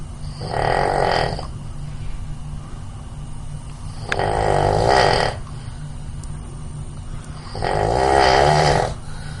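Three loud, rough, vibrating snores on breathing in, about every 3.5 seconds (roughly 17 a minute); habitual snoring.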